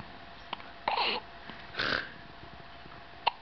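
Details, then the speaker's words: Infant boy with hiccups: two short, abrupt vocal jerks with a catch in the breath, faint room hum behind. "has the hiccups."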